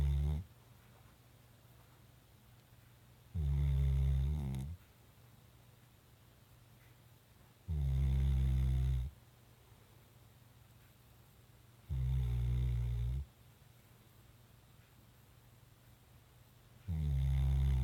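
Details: A dog snoring while asleep: deep, rattling snores on each breath, about 14 a minute, over steady room hum.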